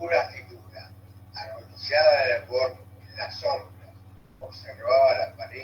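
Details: Cerebellar syndrome with ataxic dysarthria: scanning, explosive speech with abnormal separation of syllables, monotonous, choppy voice at the same pitch, sometimes distorted; scanning speech (ataxic dysarthria).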